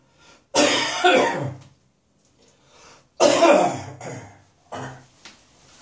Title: Harsh Winter Coughing and Spitting